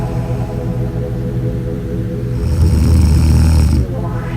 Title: Snores E Major It’s a Trip